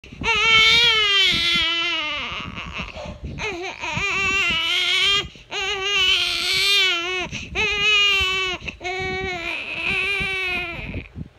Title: Crying